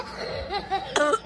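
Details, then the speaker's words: Simulated cough in a staged comedy skit: a character smoking a bidi while stealing coughs strangely and risks getting caught; cough. "इसकी खांसी बहुत अजीब है यार।"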